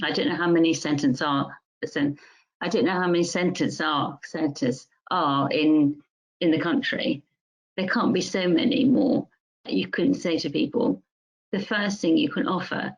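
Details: Adult woman music teacher with mixed-type primary progressive aphasia; primary progressive aphasia (mixed type).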